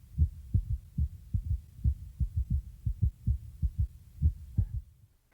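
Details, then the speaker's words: Normal apical pulse through stethoscope diaphragm on left chest about two inches below left nipple toward center: steady, regular lub-dub heartbeats counted for one minute for rate and rhythm. "adjust the position of the diaphragm until you can hear the heartbeat clearly then begin to count the heartbeats for one minute each lubdub sound is one beat listen for the rhythm of the beat is it regular or is it"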